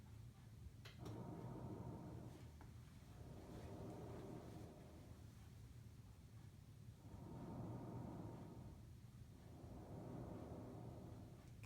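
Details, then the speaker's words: Simulated lung sound on a SAMII simulator, heard at the lung periphery: soft, low, smooth, rhythmic rustling breath sounds with nothing adventitious; normal vesicular breath sounds. "remember vesicular is kind of here in the periphery and for me how I remember this one is like waves hitting like the beach it's kind of very rhythmic it's kind of smooth"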